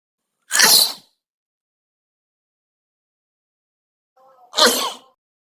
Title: Macam-macam Suara Bersin (Sneeze Sounds)